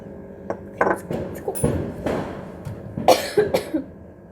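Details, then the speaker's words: Cough from a person who says their cough will not go away and is not coming out properly; another person remarks it sounds deliberate: cough. "खांसी नहीं जा रही मेरी, और काफ़ी एकदम अच्छे से नहीं है।"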